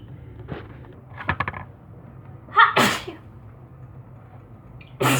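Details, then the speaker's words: Adult sneezes sharply after a short inhaling build-up, then starts another sneeze. "Bless you. Thank you. I think I have more sneezes on the way."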